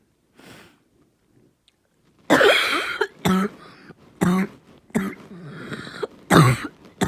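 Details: A run of about five harsh, hoarse, barking coughs with noisy breaths between them; barking cough.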